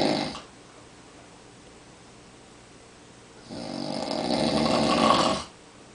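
Quiet breathing then a long, rough, rattling breath sound lasting about two seconds during sleep, consistent with snoring.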